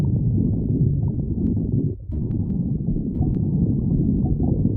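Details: Stomach growling (borborygmi).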